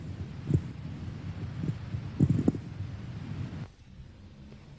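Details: Coarse crackles (rales) heard on chest auscultation during a thoracic physical examination.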